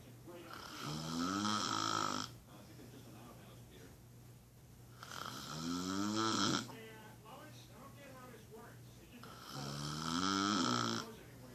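Three loud, droning snores on breathing in, about four seconds apart, with quieter breathing out between. Snoring, roughly 15 breaths a minute.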